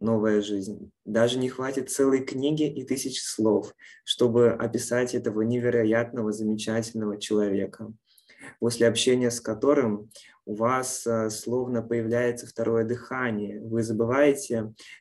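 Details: Adult male speaker; normal speech.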